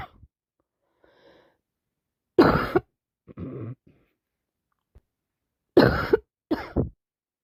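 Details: A few short, loose coughs with throat clearing and breathy sounds in a quiet room from a person with a bad head cold; cough with a cold.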